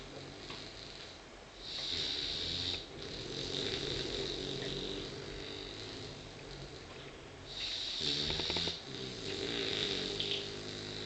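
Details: Sleeping puppy: soft rasping breath noises with a hissy, snuffling quality rising and falling; snoring.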